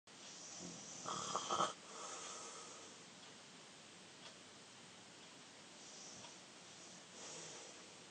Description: My Younger brother snoring again!